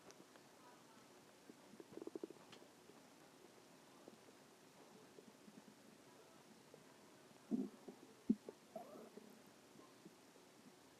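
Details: Stomach growling: soft gurgles and brief rumbling squeaks rising out of a quiet background, ordinary borborygmi from gut movement.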